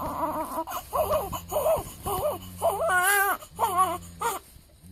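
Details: Repeated short wailing cries from a 7-day-old newborn, rising and falling in pitch with brief pauses for breath, during weigh-in.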